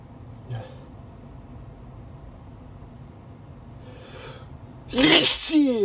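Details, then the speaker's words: Quiet sniffs and a building intake of breath, then one loud sneeze, while driving to work; allergy sneezing the person blames on a high pollen count despite daily allergy medication. "I think it's the pollen [snorts] pollen count is really high today. [snorts] [snorts] Oh god, [snorts] I really like sneezing but not while driving."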